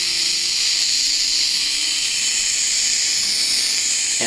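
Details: Pediatric nebulizer delivering albuterol, driven from an oxygen line at 6 L/min: steady loud hiss of gas as it mists, ending in a brief click; nebulizer running.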